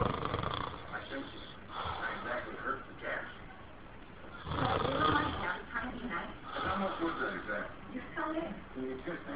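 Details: Loud, rough, rattling breathing noise in irregular cycles with some background murmur; snoring.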